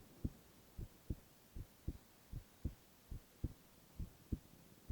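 Steady paired lub-dub heartbeats at about 75 a minute, soft and regular, over faint hum; normal heart sounds.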